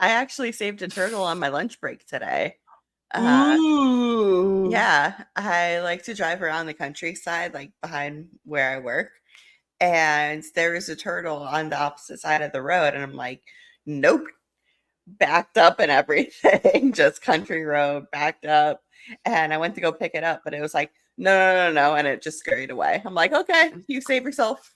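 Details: Adult speaker; normal speech.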